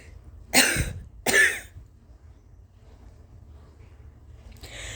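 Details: Two harsh, uncovered coughs from a sick adult with suspected 24-hour stomach bug or flu, fatigue and felt fever, followed by the start of another burst.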